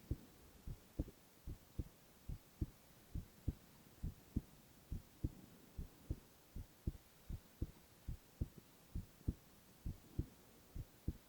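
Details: Boy's heart sounds, ASMR recording: steady soft lub-dub heartbeat at about 68 beats a minute over a low hum; normal heart sounds.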